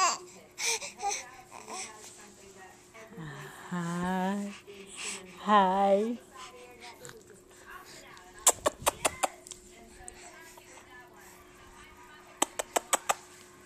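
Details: 5-month-old baby boy gives a few short, deliberate cough-like bursts, then babbles and squeals; a playful voluntary fake cough, not illness.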